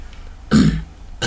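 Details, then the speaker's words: Honking cough imitated by an adult in a pediatric cough teaching, suggesting psychogenic or habit cough in a child, stopping during sleep: one loud, low, goose-like honk. "It is a honking cough. It makes and they make so that's a honking type of cough. It's a psychogenic or a habit cough."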